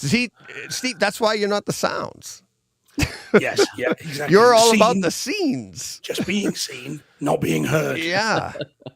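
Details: Adult speaker in conversation; ordinary conversational speech.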